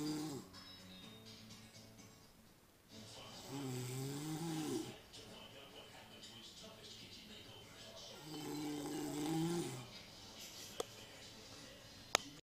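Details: Two loud, rattling snores about five seconds apart over quiet breathing, with faint music in the background; ordinary snoring from an exhausted sleeper.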